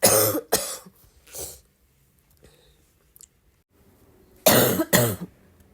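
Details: Loud, harsh, plain dry-sounding coughs in two clusters, three coughs and then two more after a quiet pause, with exclamations of "ow" around them.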